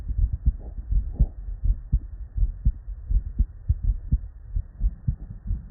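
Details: Real, unedited human heart sounds recorded at the bedside from patients with normal cardiac physiology: regular low lub-dub thumps at about 80 a minute, normal first and second heart sounds (S1 and S2).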